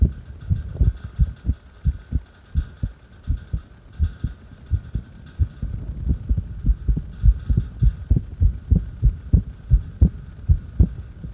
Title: Irregular heartbeat breath hold